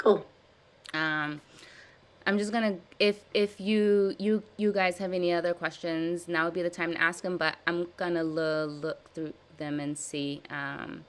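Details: Person who stutters, practicing voluntary stuttering and prolongation techniques in a live therapy session; stuttering with audible word repetitions.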